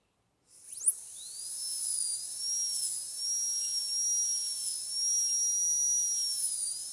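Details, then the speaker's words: High-speed dental handpiece with a steady high-pitched whine and water-spray hiss, pitch wavering under load, while the bur is angled 45° to the axial wall to cut functional cusp bevel depth grooves in a metal-ceramic crown preparation of tooth 46 (demonstration). "Now for the lingual side, next I am going to give a functional cusp bevel depth groove. So I am going to angulate the burr 45 degrees to the axial wall and going to give 2 depth grooves."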